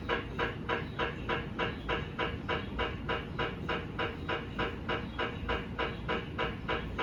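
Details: GE 1.5 Tesla MRI scanner running a daily QA sequence (RF 63.8 MHz, TE 25, TR 300), heard from the technologist's side: loud steady rhythmic knocking about 200 a minute over constant hum, helium recondenser in background.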